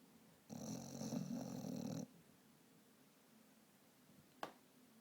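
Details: Vizsla dog snoring while asleep, dreaming: a single loud, vibrating snore about a second and a half long, then quiet and a brief click.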